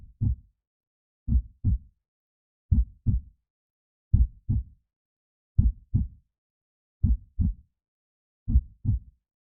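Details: Heartbeat recording played as a sleep aid for babies: clean, slow, steady lub-dub at about 42 beats a minute with silence between beats; normal heartbeat.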